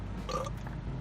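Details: Adult man with hiccups persisting about a week despite visits to two doctors: a single abrupt, voiced gulping hiccup over a steady low background hum.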